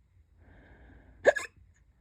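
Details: Hiccups that have come back: a single sharp, abrupt hiccup with a brief double catch, after a moment of faint background hiss.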